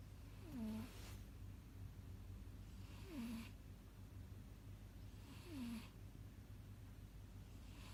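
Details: Sleeping cat snoring: soft rhythmic breaths about 24 a minute, each with a brief falling squeaky tone and a noisy rush of air.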